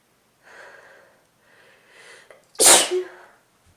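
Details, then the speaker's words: Sneeze from an adult with an ongoing cold, a runny and stuffy nose, and an itchy, tickling nose: two soft breathy inhalations build up, then one loud explosive sneeze with a brief trailing exhale. "I have to sneeze. Oh, why does it have to tease me like this?"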